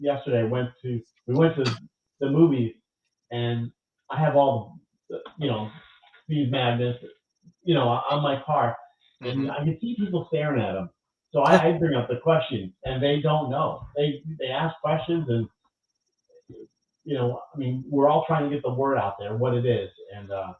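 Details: Adult stroke survivor who lost language after the stroke, now with mostly expressive (Broca's) aphasia; expressive aphasia.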